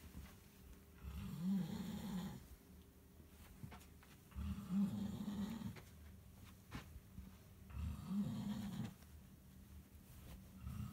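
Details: Snoring in a sleeping person or cat (my man snores, my cat snores too): three loud, low, rattling snores about 3 seconds apart, roughly 18 a minute, with quiet exhalations between; ordinary sleep snoring.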